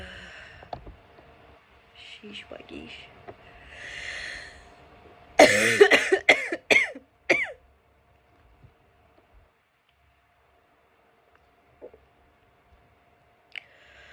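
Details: After chhinkni, with no sneezes: a burst of several harsh coughs and throat-clearing sounds in a quiet room, preceded by soft breathing and faint voice sounds; throat clearing.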